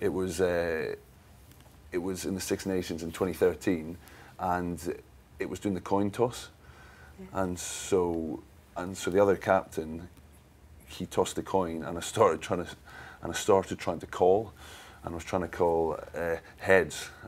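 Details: Stammering (stuttering) in an adult male sports agent who has stammered since childhood; he says he could barely talk for his first 15 years and still masks it, using pauses to regroup.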